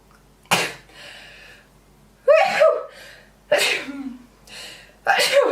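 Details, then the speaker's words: Person with really bad allergies sneezing: several sharp sneezes in a row, some with a voiced gasp before, quiet breaths between. "Hold on, I have to sneeze. Oh, oh my god, that feels so good."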